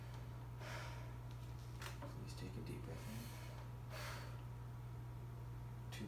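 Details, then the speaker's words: Male subject's back auscultated with the stethoscope held flat at the percussion sites during deep breaths: two soft, airy deep breaths over room hum, normal unlaboured breath sounds without added sounds, clinical skills demonstration. "please one more deep breath perfect with breathing sounded perfectly fine and the subject is complete"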